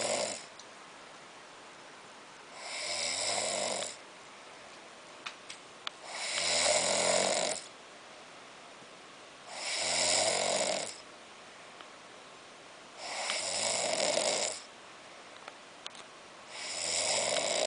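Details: Loud, regular rasping snores about every 3.5 seconds, roughly 17 a minute, with quiet breathing between them; steady snoring.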